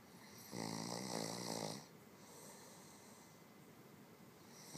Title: man snoring with his mouth wide open